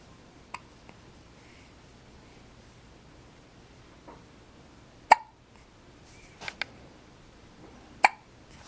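Brief sharp hiccup sounds come at uneven intervals, about five in several seconds, over quiet room noise.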